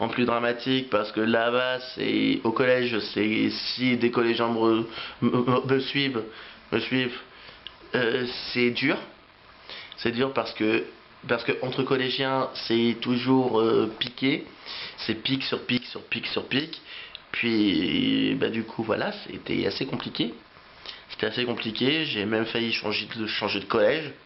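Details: Adult French-speaking man who has stuttered since age three; repetitions of words and phrases heard; stuttering.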